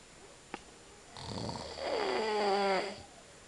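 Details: Adult man (dad) asleep: a short pop (a fart) then one long, loud, rattling snore rising to a groaning pitch on the in-breath; snoring.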